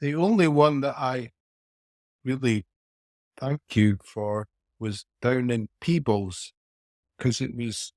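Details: Aphasia after a haemorrhagic stroke at age 49 in a male businessman, about four years earlier; speech impairment persists and varies from day to day.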